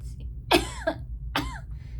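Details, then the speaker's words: Woman with asthma coughing while doing makeup: two short, harsh cough bursts over a low room hum, an asthmatic cough. "I'm so sorry for all the coughing. I don't want to cough at you guys."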